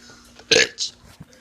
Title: Teen doing burps 11